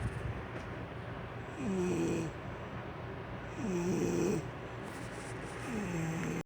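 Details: Adult woman snoring: three tonal, whistling snores about two seconds apart over steady room hum, each rising then falling in pitch.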